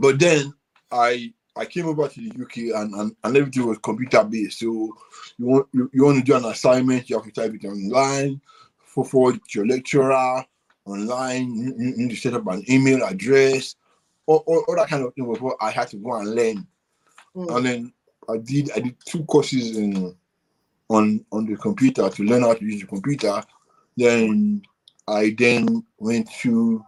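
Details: Dysarthria in a UK-based adult man born with cerebral palsy affecting movement and speech, attributed to a high bilirubin level at birth.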